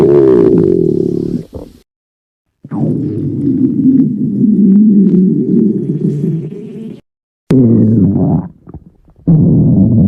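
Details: Stomach growling: loud, long, low groaning rumbles with brief silences between, prolonged ordinary bowel sounds.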